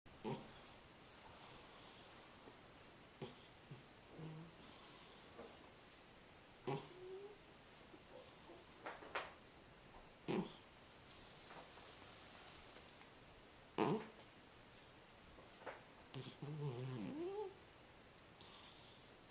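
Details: Cat snoring: quiet irregular snuffling snores with occasional squeaky whistles, about 17 breaths a minute, in a quiet room.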